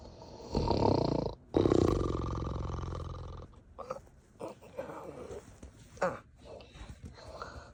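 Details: A woman (mom) sleeping with a night cap over her eyes gives two loud, rough snores, then quieter snorting, throat clearing and shuffling in a small room. Heavy snoring.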